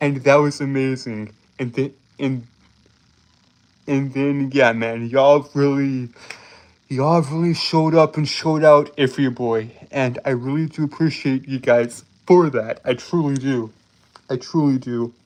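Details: Male streamer with a self-described speech impediment causing stuttering and tripping over words; repeated phrases audible.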